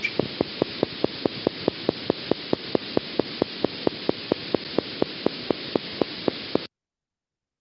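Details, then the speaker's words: Needle EMG: fibrillation potentials, including positive sharp wave type, whose shape depends on where the needle electrode sits relative to where the fibrillation potential is generated along the muscle fiber. "or sometimes people refer to positive sharp waves type of fibrillation potential the morphology really reflects where the needle electrode is relative to where the fibrillation potential is being generated along the fiber"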